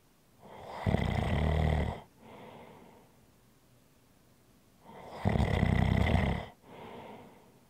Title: ASMR Snoring Sounds - Relax with me